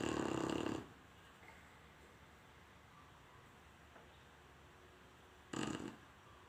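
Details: Chinese shar pei dog sleeping, with two loud, rough, rattling breaths about five seconds apart, roughly 11 a minute, with quiet between: snoring.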